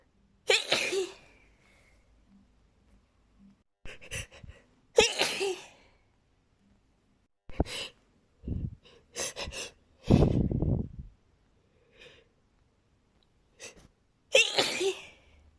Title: sneezing with buildups!